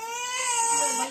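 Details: A baby cries in a sustained, loud, high-pitched wail that stays steady throughout.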